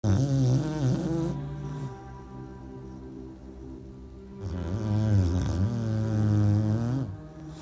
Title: Cute Dogs Harmony | English Bulldog Snore Contest